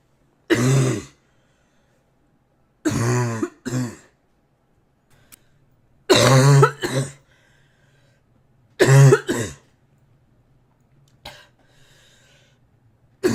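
About eight short, voiced coughs, mostly in pairs, separated by quiet pauses: a repeated cough.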